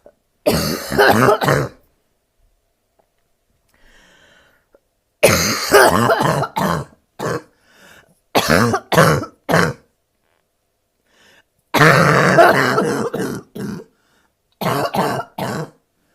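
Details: Five bouts of harsh, repeated barking coughs from an adult woman with bronchitis; lying down makes her want to cough, and her abs hurt.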